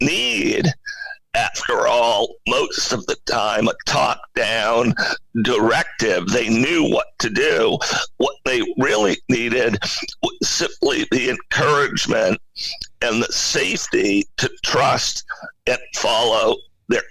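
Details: Adult male CEO with spasmodic dysphonia, a very rare neurological voice disorder affecting only speech, of no known cause and with no known cure; acquired in 2010, voice suddenly became hard to use. Finding: spasmodic dysphonia.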